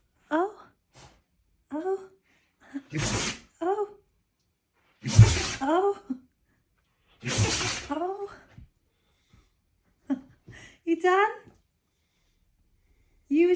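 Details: Siberian husky dog sneezing: three sharp, snorting sneezes separated by short vocal whines and soft talk in a quiet room.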